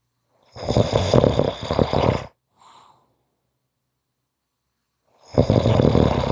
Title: Short snoring Audio